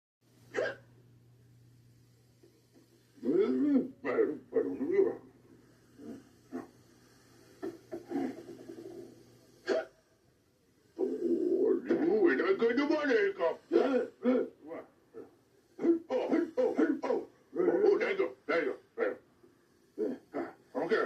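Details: Simulated hiccups acted by puppet characters in a 1979 children's TV episode: repeated abrupt hiccup-like gulps breaking into voiced speech, not a real episode.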